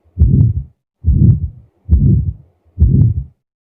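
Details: Heart auscultation at the right base (aortic area): aortic stenosis murmur.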